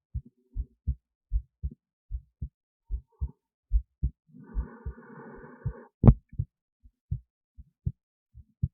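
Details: Regular paired lub-dub at about 80 beats a minute, with a brief rustle and a click midway. Own heartbeat recorded via an esophageal stethoscope resting near the heart, with EKG: normal heart sounds.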